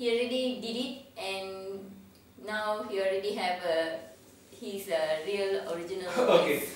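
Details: Adult woman; typical speech.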